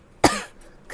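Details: Girl gives a single short, sharp cough with a brief rough tail in a quiet room, during a stream where she says she expects to cough a great deal today.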